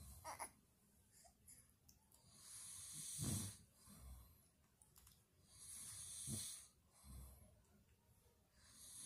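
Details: Low rumbling snoring about 20 times a minute over a noisy hiss, with softer breaths between, recorded while sleeping during bonding time with a baby; it is not stated who is snoring.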